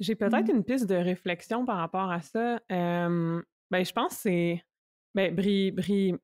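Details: Young adult man who stutters, speaking French; stuttering.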